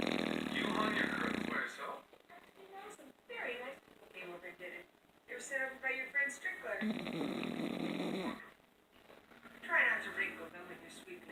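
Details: Sleeping child, recorded at 9:20 am, with long, rough, noisy breaths recurring every few seconds and softer voice-like sounds between them; snoring.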